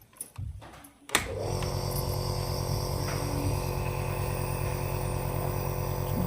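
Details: Young child with cough and cold using a doctor-recommended compressor nebulizer, switching it on himself; a few soft clicks, then a steady, loud droning hum as the machine runs.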